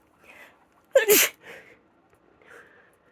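A quick intake of breath, then one loud explosive sneeze and soft breathing afterward; a single sneeze.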